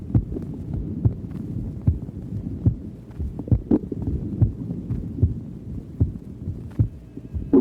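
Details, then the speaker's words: Normal heart sounds recorded at the cardiac apex of a hungry patient late in the afternoon: steady heartbeat at about 75 a minute over a low rumble, with faint gurgling bowel sounds. "The first tracing is taken from the apex of the heart. Since it's it is late in the afternoon and this patient is hungry, you can also hear the bowel sounds in this tracing."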